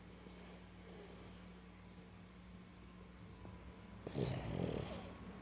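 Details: Small dog sleeping on owner's lap, snoring with soft snorting, rattling breaths that grow louder toward the end.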